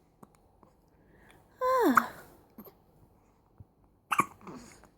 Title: Cutest Hiccups!